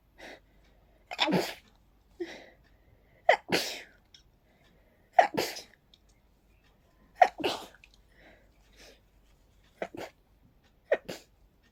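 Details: Sneezing fit attributed to pollen: six sharp sneezes in about eleven seconds, each with a quick inward gasp before it, so fast the person could barely catch their breath.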